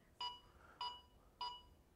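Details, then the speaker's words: AED CPR metronome on a training unit, demonstrated after a shock is delivered: three short electronic beeps about 0.6 seconds apart, near 100 a minute, pacing chest compressions. "you jump right back in your chest compressions guess what that's doing for you it's counting your it's counting your compressions okay so you can just follow along with that okay"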